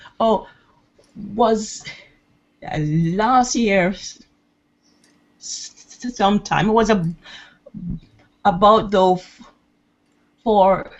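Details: 68-year-old woman who has stuttered her entire life (over 60 years), recorded before private intensive speech coaching, having tried nine courses; long pauses between words suggest blocks; stuttering (blocks).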